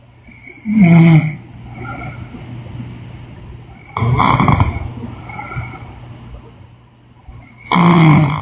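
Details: Woman snoring during sleep: three loud, rough snores a few seconds apart with quieter breathing between, about 17 a minute; snoring.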